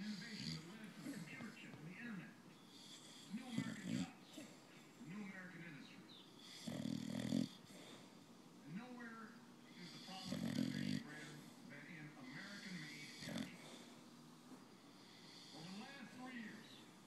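Deep rattling snores roughly every three to four seconds over background talk from a broadcast; snoring.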